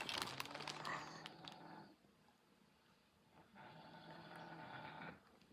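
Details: Snoring that kept the listener awake all night: two long rattling snore breaths, about ten breaths a minute, in a quiet room.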